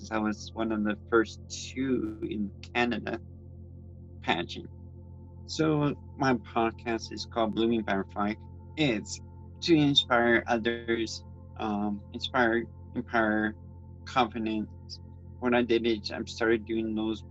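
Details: Adult transgender woman with congenital cerebral palsy who reports speech issues and grammar difficulties: dysarthric speech in cerebral palsy.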